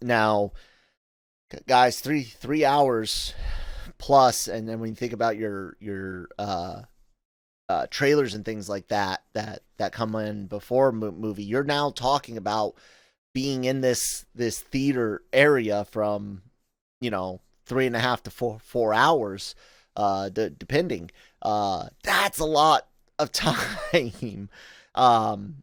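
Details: Adult male podcast host with self-acknowledged stuttering, in spontaneous speech with frequent word and part-word repetitions; stuttering.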